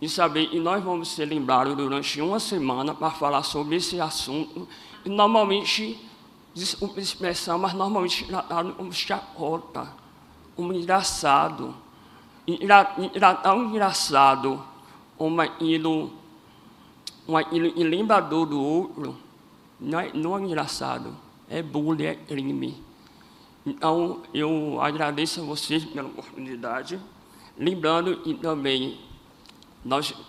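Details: Adult man with congenital cleft lip and palate, first surgery at age 5 and second around 18, voice not fully rehabilitated; cleft lip and palate speech.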